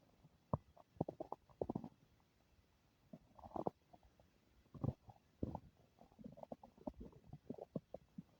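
Irregular gurgling, bubbling rumbles with short squeaky bursts and quiet gaps between them: active bowel sounds, or stomach rumbling (borborygmi).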